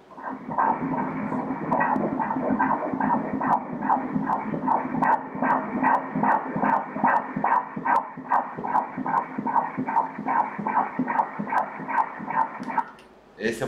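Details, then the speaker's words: Normal fetal heartbeat on Doppler during ultrasound at 13 weeks 3 days of pregnancy: fast, regular whooshing pulses at 146 beats per minute, within the 120–160 normal range. "It's nice to see your heart beating, isn't it? *murmur of affirmation* Let's hear the heart beating again here Because it really is something that marks."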